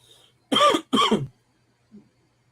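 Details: An adult man who has lost his voice over the last few days gives two short, forceful coughs close together during a live stream in a quiet room; cough.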